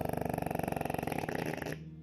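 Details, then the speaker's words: Sedated brachycephalic dog with brachycephalic obstructive airway syndrome; loud, coarse, rattling snore-like stertor while breathing relaxed, later shown soft palate sagging into the laryngeal lumen; stertor. "видеоотчёт брахицефалический синдром наш пациент сейчас под седацией Если слышите то вы слышите этот крюк храп и всё вместе взятое"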